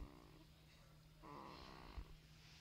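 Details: Snoring baby under one month old, lying beside an adult: soft, low rattling snore on a breath in, with a brief louder snort; quiet room.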